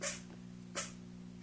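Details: Two quick, sharp little sneezes about a second apart from a 6-week-old kitten after its first night home, over a steady background hum.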